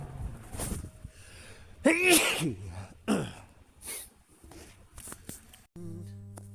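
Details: Male adult's natural random sneezes recorded on a smartwatch, not ill and not in allergy season: several sharp, explosive sneezes separated by quiet gaps, one clearly voiced; ordinary sneezing, music starting at the end.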